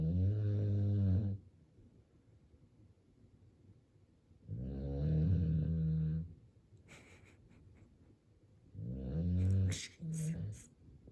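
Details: American Bully dog snoring: loud, deep, rumbling snores about every four seconds, with softer airy sounds between them.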